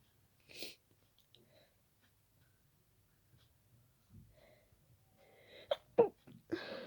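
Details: Person's sudden sneeze attack after an hour of itchy nose: occasional sneezes became more and more rapid until the nose was stuffy; a quick run of sharp sneezes with gasping lead-in.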